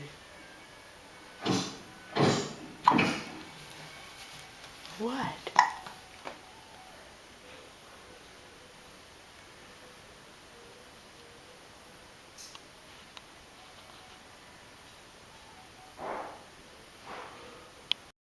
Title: hiccups again